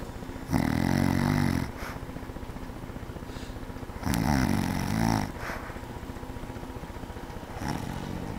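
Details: Mother snoring at night: loud, rattling snores on breathing in, with quieter breathing between them; snoring during sleep.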